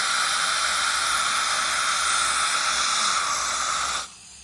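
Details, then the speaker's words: Dental suction in a suctioning and retraction training demonstration, suction held in the assistant's left hand and moved to the back of the mouth when there is water: loud steady hissing airflow for four seconds, cutting off abruptly. "Then the suction gets, so when there's water, so if they're working on this tooth, we go down the back and then go back to the tooth for working."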